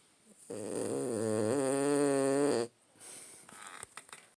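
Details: Sleeping Boston terrier snoring: one long, steady, buzzing snore of about two seconds, followed by quieter rustling noise.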